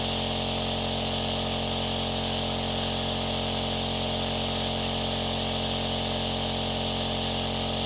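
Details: Compressor nebulizer running: a steady, unbroken mechanical hum with a fine rapid buzz and a hiss above it.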